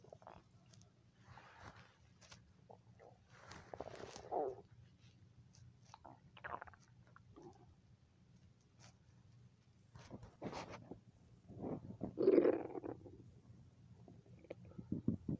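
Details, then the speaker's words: Ordinary stomach rumbling (borborygmi) on a Sunday before eating: soft, scattered gurgles and low rumbles in a quiet room, louder near the end, from gas and fluid moving through the gut. "It's Sunday and my stomach's making noise. Well, it was making noise. There it goes."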